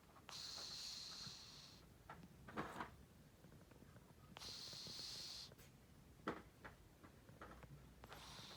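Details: Sleeping cat snoring: soft, hissing, airy snores about one every four seconds, with faint room clicks between.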